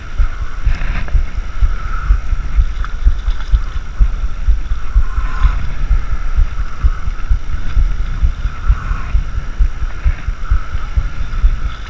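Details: Adult heartbeat recorded unexpectedly through a homemade GoPro chest mount while the wearer was line walking (waterlining): muffled, fairly steady low thumps with some background noise; normal heartbeat.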